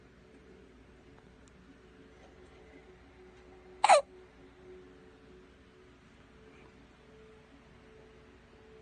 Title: little man got the hiccups in his sleep😴